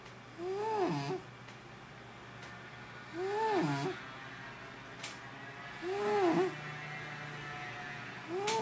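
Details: Snoring sleeping cat that keeps its owner awake: four squeaky, whistling snores rising and falling in pitch with each breath, about 22 a minute, in a quiet room.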